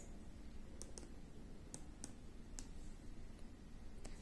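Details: Keypad presses on a MedRena UniFusion SP50 Pro syringe pump while entering volume and infusion time in time mode: faint, sharp clicks at uneven intervals against a low hum.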